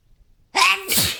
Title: sneezing and dusting